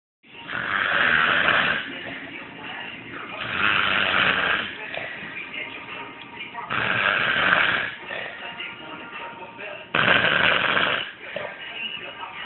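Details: Person snoring, said to be from too much working: loud, rough, rattling snores on each breath in, about five in twelve seconds, with quieter breathing between.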